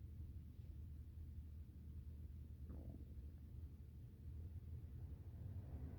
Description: Oh and if you are wondering what is the cause of the tummy noises, he is digesting a good and tasty meal.